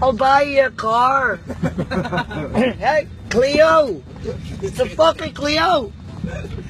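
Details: Male with Tourette syndrome whose tics worsen on planes, possibly from crowding; real vocal tics.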